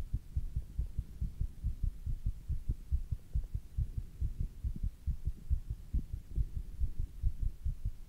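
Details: Fast male heartbeat after doing squats: fast, regular low heart thumps at about 140 beats a minute, a normal rapid heartbeat after exercise.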